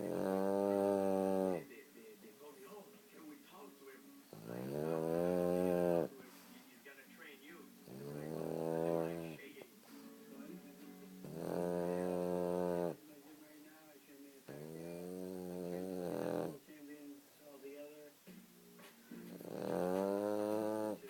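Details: Loud, rhythmic rattling snores with a strong buzzing tone, about four in twenty seconds, separated by quieter breathing; heavy snoring.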